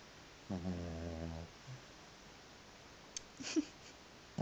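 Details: Snoring from a sleeping cat, reportedly louder than the TV: one buzzing snore-like breath followed by a faint snort, then quiet.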